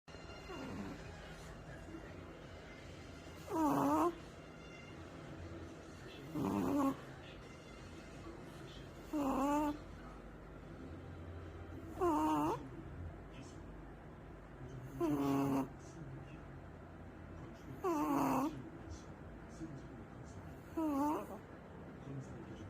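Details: Puppy asleep in someone's arms snoring regularly, about 7 brief rattling inward snores in 22 seconds: snoring.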